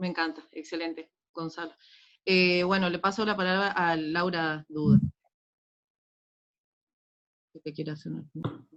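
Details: Adult speaker; normal speech.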